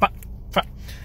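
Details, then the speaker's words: Two abrupt, brief voiced throat-clearing grunts about half a second apart: simple vocal tics in an adult man with Tourette syndrome, who says caffeine worsens them. "[ __ ] what's good everybody so my name is most people just call me and i i have tourette syndrome"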